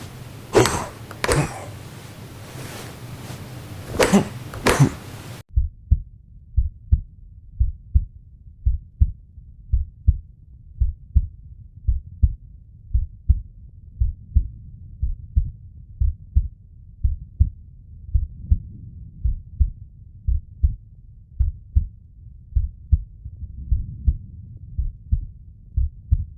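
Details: Normal heart sounds: regular low paired thumps at about 55 a minute with no added whooshing.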